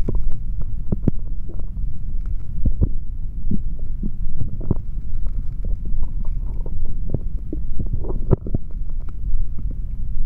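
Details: Male abdomen heard through a stethoscope after drinking a chocolate protein shake: steady low rumbling with scattered gurgles and clicks; ordinary active bowel sounds, stomach growling.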